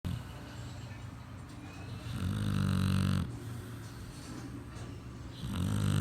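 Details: 8-month-old female Pitbull asleep: deep, low rumbling snores rising and falling with each breath; snoring.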